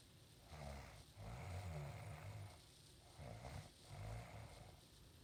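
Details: Loud, rattly snoring in low rumbling repeated cycles over a steady hiss, from a female still asleep at 2 o'clock in the afternoon.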